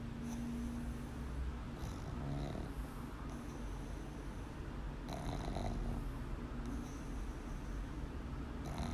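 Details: Pug dog, awake: steady low snorting and rattling with each breath over room noise; snoring-like noisy breathing in a flat-faced dog.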